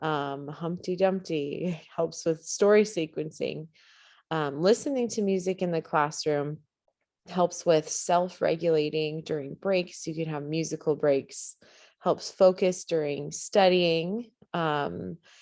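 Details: Adult woman speaking; normal speech.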